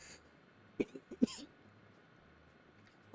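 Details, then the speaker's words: Short cluster of two or three harsh, throaty adult coughs or throat clears over quiet room hiss, from a gamer who apologizes for coughing a lot during the recording. "me again sorry about coughing so much in this recording"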